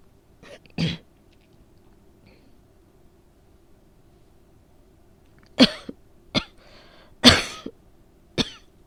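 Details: Real recording of a person with a cold that began with a sore throat, now coughing up lots of phlegm: five harsh cough bursts in a quiet room, some rattly and wet, a productive cough.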